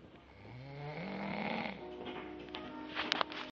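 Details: One loud, drawn-out snore with a rough, rising whistle-like tone during a single breath in.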